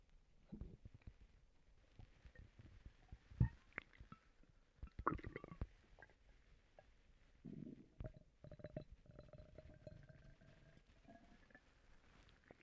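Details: Stomach rumbling (borborygmi) in a person who has recently been sick and vomiting: low gurgling and rumbling bowel noises in irregular bursts with some drawn-out growls.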